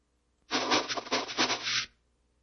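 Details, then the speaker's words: Cochlear implant simulation with 2 channels, played by a bilateral cochlear implant user who says what he actually hears now is better than this. "Let me say what I hear now is actually better than this. For 2 reasons."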